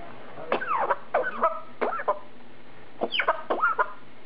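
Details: A Congo African grey parrot produces a string of short, throaty cough-like bursts, mimicking a human cough rather than being ill.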